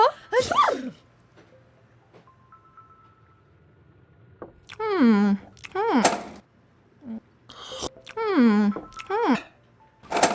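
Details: A female sneezing twice, each sneeze preceded by a rising voiced 'hah' build-up and then a sharp burst, with quiet background music.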